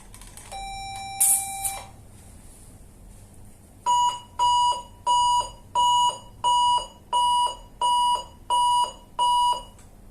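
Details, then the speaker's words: 400 W high-frequency electrosurgical unit in monopolar blend 1 mode (60% cut, 40% coagulation): an earlier different tone, then electronic beeps pulsing about 87 a minute; electrosurgical unit activation tone. "Blend one is for 60% cut and 40% code. Let's change the electro. Now we try."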